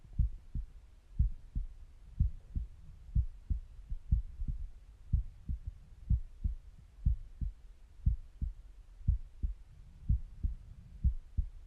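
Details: Normal resting heartbeat heard by stethoscope, steady low thumps at about 59 beats a minute, with faint stomach gurgling in the background.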